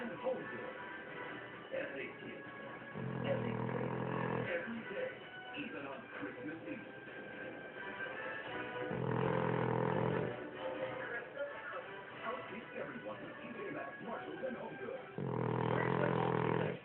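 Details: Dog snoring: three loud, rumbling bursts about six seconds apart, with television talk and music in the background.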